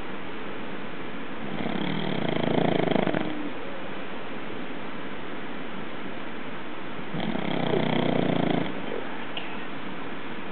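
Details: Snoring: two slow, rattling snores about six seconds apart, each on the in-breath, over a steady background hiss.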